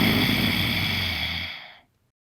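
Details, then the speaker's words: An adult imitates a snore: a single rough, rattling breath of about two seconds, made by over-constricting the larynx muscles, shown as the error to avoid in ujjayi pranayama breathing. "If you constrict your larynx muscles too much, you'll make a snoring"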